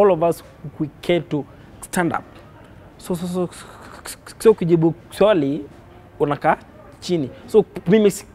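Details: Kenyan man who has stammered since birth, noticed at age five, reporting blockages and prolongations of words in every sentence; stuttering.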